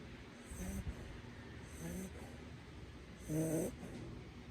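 Soft, low rumbling snores with each breath, one louder snort near the end, over steady room noise; ordinary dog snoring.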